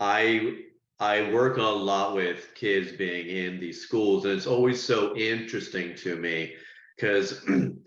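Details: Person who stutters, speaking on a panel about stuttering therapy; audible word and part-word repetitions; stuttering.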